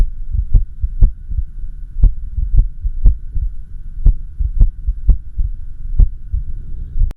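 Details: Echocardiography recording of the person's own heart during an irregular heartbeat (arrhythmia): sharp, unevenly spaced thumps over a steady machine hum.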